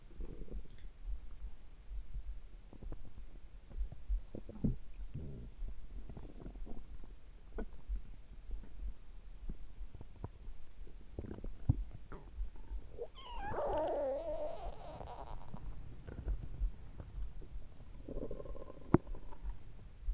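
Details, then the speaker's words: Gurgling, bubbling rumbles over faint low thumping, with heart and stomach sounds recorded together and the stomach rumbling a lot; active, normal bowel sounds. "結構今日はお腹が鳴ってましたね。今日悲鳴を上げてましたね。"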